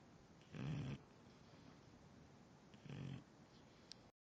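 Two short, low, rough snorting snores about two seconds apart; ordinary snoring.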